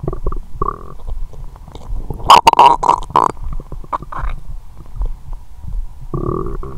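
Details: Self-recorded abdomen after Christmas dinner with wine following a 22-hour fast; loud, drawn-out gurgling, bubbling and squeaky rumbles, the person saying the whole stomach and the pit of the stomach are rumbling; active bowel sounds (borborygmi).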